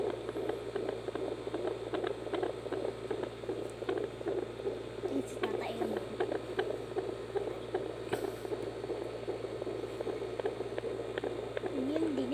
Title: HeartbeatNiBebe.jb